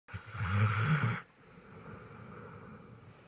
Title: Feebee snoring